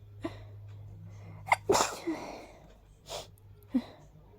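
A quick run of sneezes with sharp intakes of breath between them, in a quiet room: a hayfever sneezing fit.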